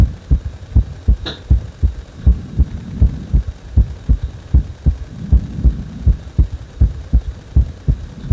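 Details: Heartbeat after compression: steady, regular deep low thumps at about 80 beats a minute with a faint hum behind.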